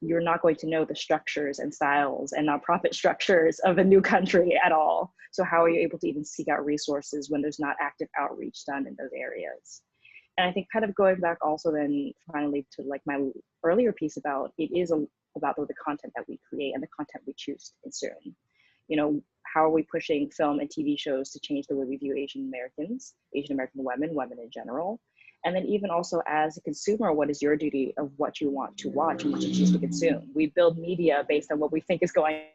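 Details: Adult woman; typical speech.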